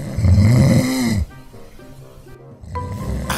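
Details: Snoring recording submitted to a contest screening for possible obstructive sleep apnea: one loud, low, rattling snore lasting about a second, followed by soft background music.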